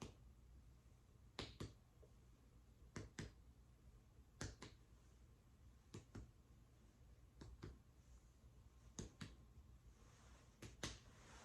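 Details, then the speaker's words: Paired sharp taps at several spots over the posterior chest of a nursing-school head-to-toe assessment demonstration, each giving a hollow resonant note; normal resonant lung percussion. "Okay, that was a resonant sound."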